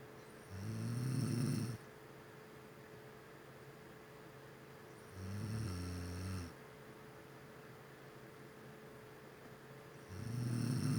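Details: A sleeping female snoring with slow, regular, low rattling snores on each breath in, about every five seconds (roughly twelve a minute), with a faint steady hum in the room; snoring.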